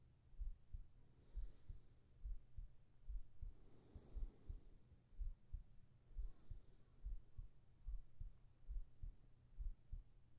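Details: Steady, soft low heartbeat thuds at about 68 beats a minute with a faint hum, in a sleep ASMR recording; normal heartbeat.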